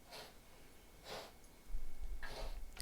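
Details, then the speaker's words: Three short, soft, dry bursts spaced about a second apart, heard in the background and described as coughing by "Tara Jr."; consistent with a small animal coughing. "Now Tara Jr. is coughing. You okay?"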